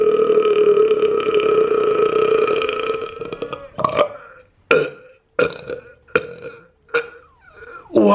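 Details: One long, loud, drawn-out burp of about three seconds, then about six short burps in quick succession; deliberate belching from a burp compilation.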